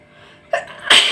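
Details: A quick indrawn breath followed by one sharp, explosive sneeze during a nose sneezing challenge; an ordinary sneeze.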